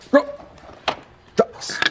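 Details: Adult male teacher with Tourette syndrome, who also has motor tics (neck and arm twitching, eye blinking, grimacing, sniffing), makes a barking-like vocal tic.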